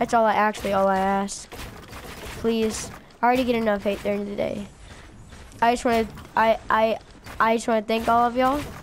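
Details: Stuttering in a male speaker who says it had been minor for a while but has gotten progressively worse.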